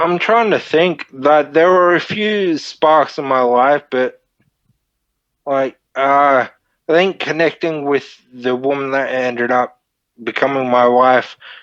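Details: Dysarthria (slurred speech) from Friedreich's ataxia, a neurodegenerative disorder, in a 31-year-old man diagnosed at 14; he reports slurred speech and struggling with words as part of the disorder.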